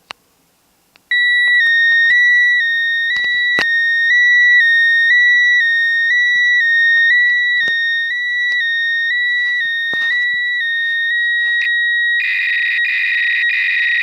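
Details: Loud, steady electronic tones alternating in pitch, then a buzzy warbling signal: a worn cardiac event monitor, held under a phone microphone, transmitting recorded heart data to a nurse after a heart problem.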